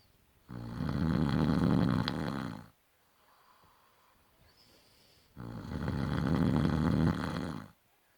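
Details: Adult man snoring in any sleep position (back, side, stomach), day and night: two long, loud, low rattling breaths about five seconds apart with quiet between, heavy snoring at roughly 12 breaths a minute.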